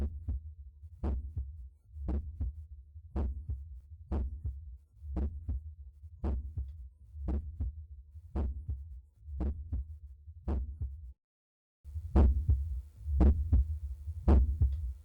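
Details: Mitral area auscultation: regular paired lub-dub heart sounds at about 57 beats a minute; normal heart sounds.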